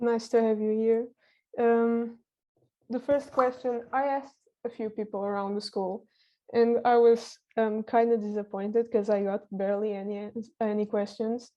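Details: Teenage girl speaking; typical speech.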